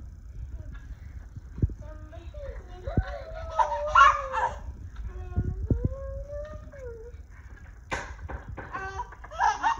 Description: 3 year old having a gelastic (laughing) seizure due to hypothalamic hamartoma brain tumor.